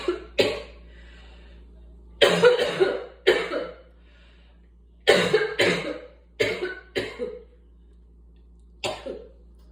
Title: Coughing from Asthma